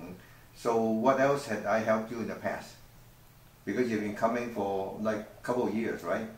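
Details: Adult male clinician speaking; Normal adult speech.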